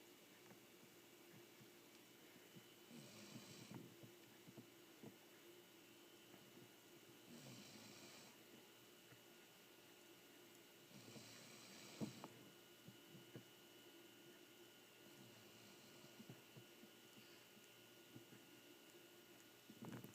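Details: Dog asleep with ordinary snoring: soft, rhythmic snores with snorting breaths over a quiet room hum.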